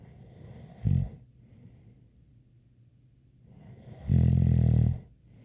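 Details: ASMR snoring recording: a brief snort, then a long, deep, vibrating snore a few seconds later with a faint whistle; snoring with a light whistle.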